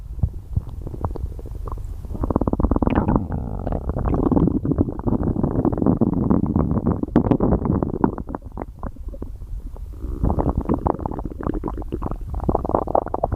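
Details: Loud, continuous gurgling and rumbling with rapid bubbling pops from gas and fluid moving through the gut; stomach growling (borborygmi).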